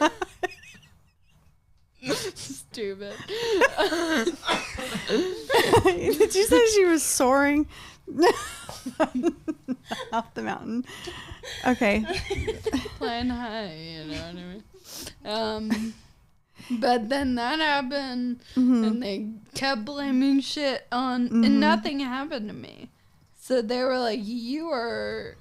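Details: 26-year-old woman with Friedreich's ataxia, a progressive genetic nervous system disease affecting her coordination and walking; ataxic dysarthria.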